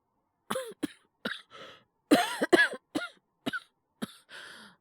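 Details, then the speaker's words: Voice actor performing a male character with a cold; all acted: about ten short, harsh coughs in quick clusters with breathy breaths between, a simulated cold cough. "風邪。自己判断も何も、どう考えたって風邪の症状だろうよ。"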